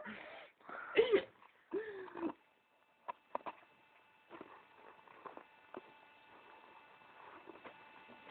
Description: jesus christ dont she snore loud haha